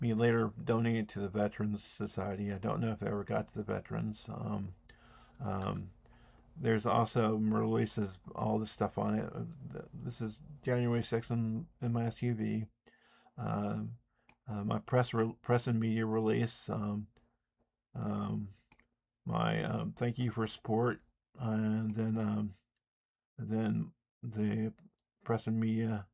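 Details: Speech impediment (disfluent speech), self-reported and audible, in an adult man.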